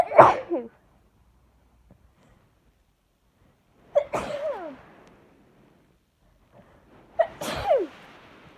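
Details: Allergic sneezing fit from a bouquet of lilies, sneezes mostly covered by hand or tissue: three loud, explosive sneezes with sharp intakes before each, a few seconds apart, in a quiet room.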